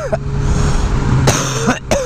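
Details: Two or three short coughs from a person who says they are sick, recorded outdoors over loud road and engine noise.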